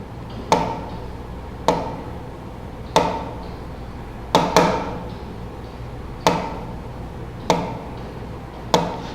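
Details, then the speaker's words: Extrasystole demonstrated in a vital-signs class using the Harvey simulation model: a tapped regular pulse rhythm with one premature short beat, then a pause, then a return to the normal rhythm. "se ven el pulso el rítmico de los intervalos son similares pero momento determinado se produjo uno muy corto después de una pausa y volvió otra vez al ritmo normal estar en las extrasístoles"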